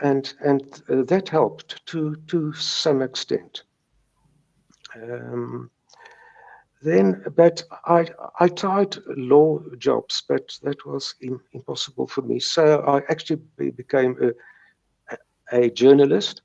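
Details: Stuttering since age three in a retired South African lawyer in his 70s who views stuttering as a mindbody disorder and still has mild speech blocks: stuttering.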